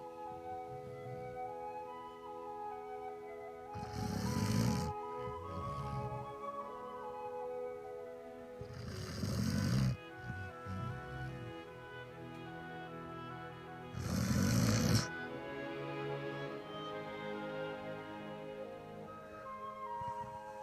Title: Napoleon the snoring basset hound